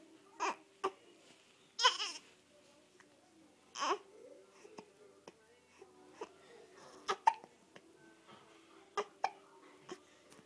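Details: 4-week-old infant with hiccups: small, brief catches in breathing repeating at irregular intervals amid soft baby sounds.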